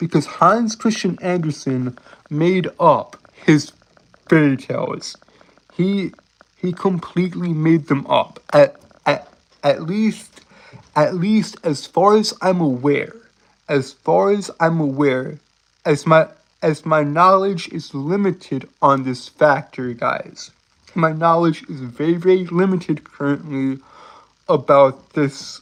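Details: Male speaker who says he has a speech impediment he cannot help. Stuttering.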